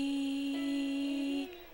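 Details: Woman with a voice problem examined in a laryngology case; clear voice on rising pitch, then scratch, double pitch and roughness, cutting out at her highest pitch; diplophonia with roughness at top of pitch range.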